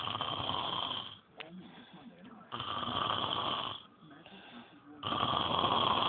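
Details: Snoring from a sleeping person.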